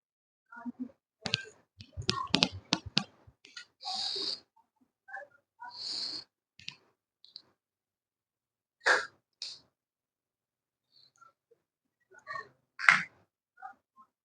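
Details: Metered dose inhaler demonstration for children: canister shaking clicks, then hissing puffs and breaths in and out with pauses.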